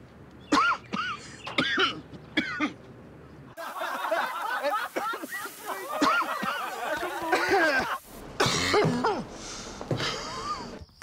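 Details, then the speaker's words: Acted harsh adult smoker's coughing bursts, one with a wheeze, over birdsong, barbecue sizzle and laughter, in an anti-smoking advertisement. "At any time [cough] your smoker's cough [cough] can become [crickets] smoker-with-lung-cancer's-cough"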